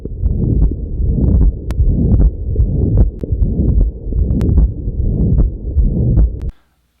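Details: Heartbeat through a stethoscope at about 75 a minute with a continuous low rushing sound filling the cycle; tricky heart murmur quiz.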